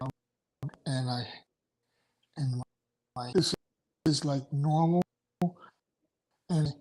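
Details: Adult male stroke survivor with aphasia after two strokes in November 2017, including a hemorrhagic stroke; right-sided weakness, unusable right hand without feeling, short-term memory problems, 10 seizures since; aphasia.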